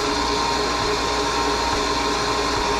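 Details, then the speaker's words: Steady loud mechanical hum and whir of a wet-ring dental vacuum pump with weak suction, running as its assembly is adjusted to raise the vacuum toward healthy levels. "so what i'm going to do is i'm going to increase by turning this this whole assembly down what's going to happen is i'm going to increase the vacuum now you can see it's starting to climb"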